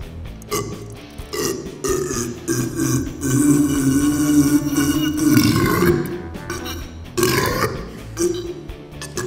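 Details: Burping championship: long, loud, deliberate belches, one sustained for several seconds, over background music.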